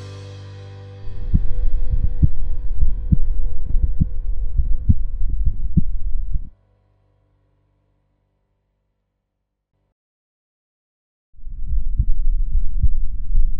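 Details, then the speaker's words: Adult man's own heartbeat recorded with a DIY electronic stethoscope (condenser lavalier microphone fitted to a stethoscope) at the aortic area: regular paired low thumps with clear first and second heart sounds, normal. "We tried to show that it's pretty simple and inexpensive to record your heart beat sound, to listen and even to view it."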